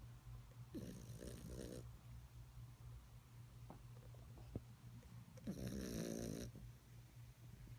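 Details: Sleeping puppy snoring: two soft, rough snores on breathing in, about 5 seconds apart, over low room hum.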